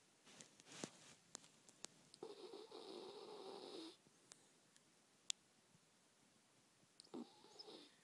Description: Wow he scared me I had to check he was breathing he looked dead. But he's ok just in a deep sleep